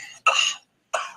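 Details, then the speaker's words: A few short, harsh coughs in quick succession from an adult man, a recording played of an MMA fighter who was sick the week before a fight. "But anyways, here's the the cough that he gave to Meltzer in San Jose."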